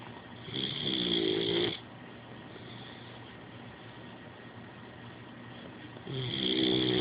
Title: Snoring boxer puppy